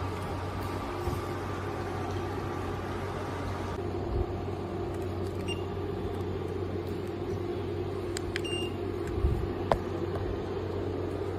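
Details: Oxymed oxygen concentrator switched on and delivering oxygen through a face mask at flow setting 5, the user's SpO2 rising from 92 to 97: steady low motor hum, constant drone, occasional soft clicks; oxygen concentrator running.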